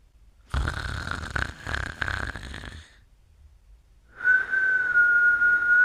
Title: Snoring & Whsitling Part 2